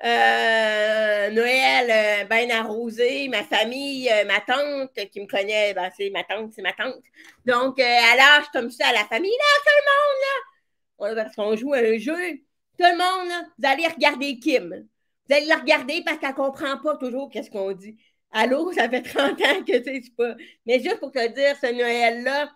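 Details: French-speaking woman with severe-to-profound deafness who hears with a right-ear hearing aid and now a cochlear implant, and who worked on her voice on her own; speech of a person with severe-to-profound hearing loss.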